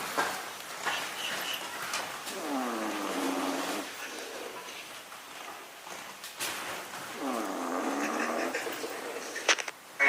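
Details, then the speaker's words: Person sleeping in a tent while camping outdoors at night: two long, deep, rattling snores about five seconds apart, each a drawn-out roaring inhalation; snoring. "so we set up a little trap and waited for the person to start snoring right okay and magically it came from this tent right here"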